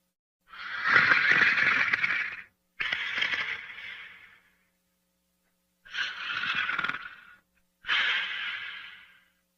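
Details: Sleeping snorer: loud, harsh, rattling breaths, four long noisy cycles with pauses between them; snoring.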